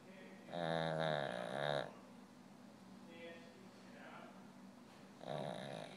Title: snoring